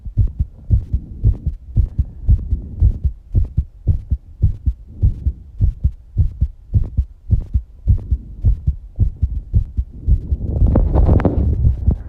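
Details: Strong, quick, regular thumping heartbeat at roughly 110 beats a minute with a heavy breath near the end, after exercising; normal fast heartbeat after exercise.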